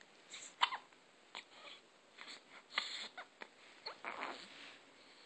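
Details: Big boy with hiccups: brief sharp hiccup-like bursts recurring irregularly over quiet background noise; hiccups.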